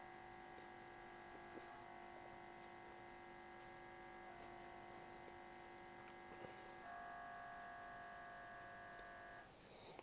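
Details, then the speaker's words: MRI scanner noise as heard by a patient inside the scanner: loud, steady electronic droning tones that shift pitch in stages, presented in teaching on imaging for hydrocephalus in children. The noise can cause patient anxiety. "este es el sonido de una resonancia magnética Esto es lo que escucha un paciente dentro del"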